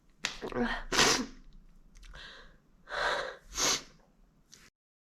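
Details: Announcing sneezes, distracted by a tickle: an in-drawn gasp leads into a forceful sneeze, then two more breathy sneeze-like bursts; repeated sneezing.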